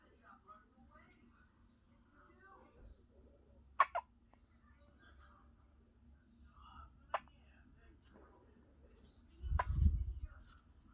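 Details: 4-day-old infant boy with hiccups: three sharp, brief hiccup sounds a few seconds apart, with quiet room noise and soft background voices.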